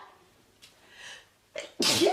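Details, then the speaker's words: A soft intake of breath, then one sharp, loud sneeze burst from a young woman who tried to hold it in, amid allergy or sinus sneezing; sneeze. "I'm Excuse me I I was trying to hold in that sneeze but it was not happening"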